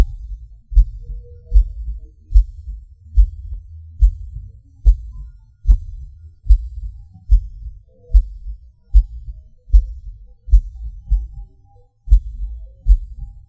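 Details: Self-recorded heartbeat of a person with PVC/PAC premature beats, felt as a falling sensation: low thumps about 74 a minute, uneven spacing, pauses, skipped and extra beats, occasional stronger beats.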